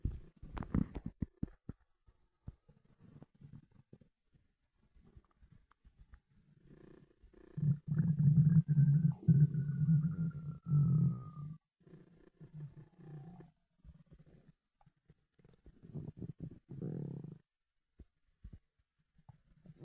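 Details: Stomach rumbling (borborygmi) after 24 hours without food: low gurgling and rumbling bursts from an empty stomach, with one long squealing gurgle.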